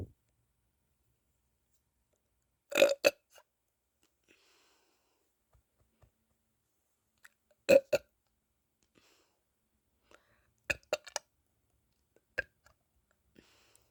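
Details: Person unable to stop burping: several short, abrupt burps at irregular intervals separated by silence; burping.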